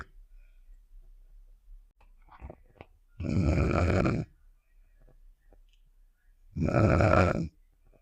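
Two loud, rough, low rattling breaths about three seconds apart against a quiet background; snoring from a cartoon sound effect.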